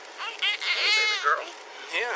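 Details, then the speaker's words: High-pitched, wavering cries in short bursts from a newborn girl, umbilical cord still attached, just found abandoned in a plastic bag and wrapped in a jacket by a deputy comforting her; a vigorous neonatal cry. "officers frantically wrapped the crying baby in a jacket you can hear deputy Terry Roper trying to comfort her"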